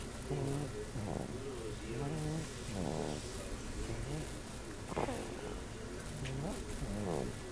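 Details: 2-month-old baby snoring hard while asleep after receiving her 2-month vaccinations earlier that day.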